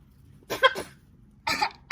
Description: Our blue and gold macaw Charley playing behind her chair fake coughing and saying hello.